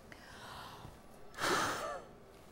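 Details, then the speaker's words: Peak flow meter demonstration for asthma monitoring: a single short, forceful maximal exhalation into the mouthpiece, reading around 420. "So you breathe in and you blow out as forcefully as you can. That time I did around 400."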